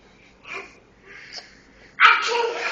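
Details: Babies fake sneezing every time someone says bless you: two soft breathy sounds, then a sharp burst from a small child, followed by "bless you".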